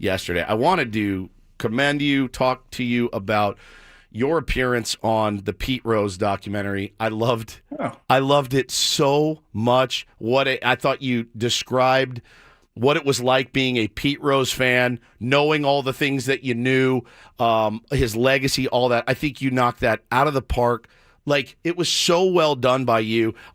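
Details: Adult man speaking; ordinary speech.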